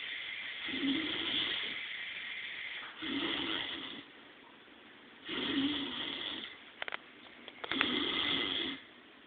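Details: Sleeper snoring on day 1, with four rasping snores of about 1–1.5 seconds each at roughly 26 a minute and quiet gaps between.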